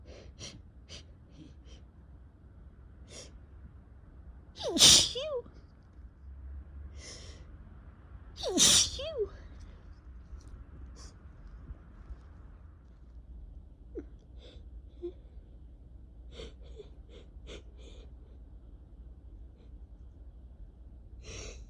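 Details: Spring sneezing, attributed by the person to allergies, alongside a two-week cough: two loud sneezes, each after a sharp gasping in-breath, with sniffing and snorting between.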